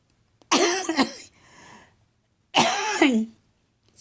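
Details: An adult mother gives two harsh, hacking coughs with a brief raspy breath between them while River plays nearby.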